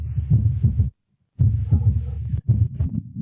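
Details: Cardiovascular semiology teaching recording: a three-part gallop rhythm replacing the earlier two-part rhythm, with an extra dull low-pitched sound early in diastole just after the second sound; third heart sound (S3 gallop).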